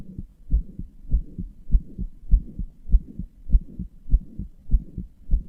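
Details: Heart murmur: regular low heartbeats at about 100 per minute with a soft rumbling whoosh between beats; the person describes their own heart as weak and inefficient, murmuring and palpitating.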